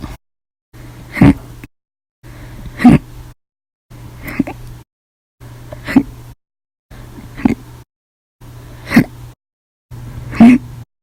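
Seven sharp, abrupt gulping hiccups at regular intervals, roughly 38 a minute, each set against faint room noise. Repeated hiccups.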